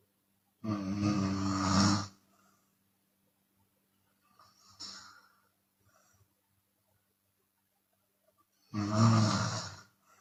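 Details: Chinese woman snoring with open mouth, sometimes on the exhale: loud rattling snores on breathing in with softer breath out between, about every eight seconds; open-mouth snoring.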